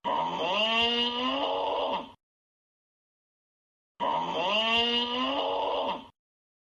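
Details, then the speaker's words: Simulated snoring: two loud, rising-pitched snores each followed by abrupt silence, mimicking airway obstruction with pauses; obstructive sleep apnea snoring. "当我们一宿多次出现气管的格局小到气流量低于20%或格局封闭持续10秒钟，就要考虑是不是阻塞型呼吸暂停综合征的问题了。"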